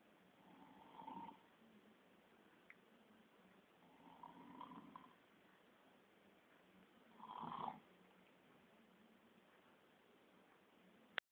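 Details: Father snoring while asleep in the living room: three slow, rough inspiratory snores a few seconds apart over steady background hiss; ordinary snoring.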